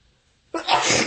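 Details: Single forceful, harsh sneeze after a moment of quiet, from a person with bronchitis sneezing repeatedly.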